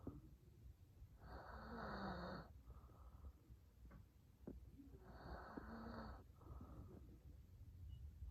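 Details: Two long, rough, rumbling breaths about three seconds apart over low room hum: an adult man snoring at night.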